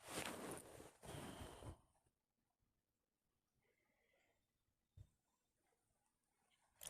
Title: Sneeze attack on bed at nigth